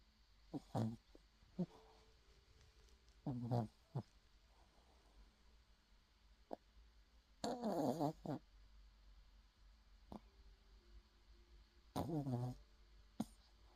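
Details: Irregular, snorting, rattly snores, roughly 14 a minute, from a sleeping 6-month-old puppy described as a heavy snorer, with quiet room noise between.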